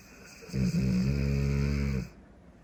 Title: Cane Corso | Nero Snoring...